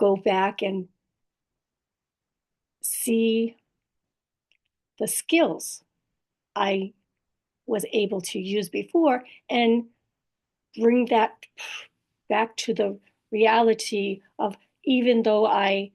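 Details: Woman with post-stroke aphasia plus apraxia of speech and dysarthria, in recovery; aphasia with apraxia of speech and dysarthria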